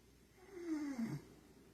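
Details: Adult man (a father) snoring during sleep.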